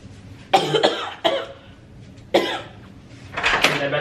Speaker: about to do a prank on Gilly I'm just going to be doing like a coughing prank on the boys to get their reaction